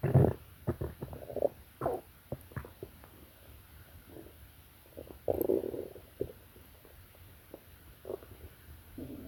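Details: Stomach growling bowel sounds (borborygmi) from a sleeping person.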